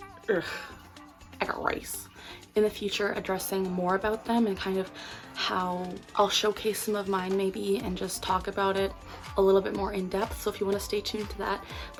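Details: Complex vocal tic in a young woman with Tourette syndrome diagnosed over 10 years ago: a blurted phrase tic she usually suppresses in public, alongside subtle tics (swallowing, throat clearing, blinking) that wax and wane.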